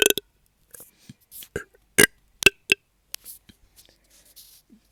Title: Evening burps